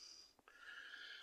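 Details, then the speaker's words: A person with a cold, stuffy nose and congestion gives a brief nasal snort and then a drawn-in, slightly whistling sniff through a blocked nose. "uh oh man my my uh voice sounds so funny yeah I got the code stuffy nose and uh just congested and all that stuff"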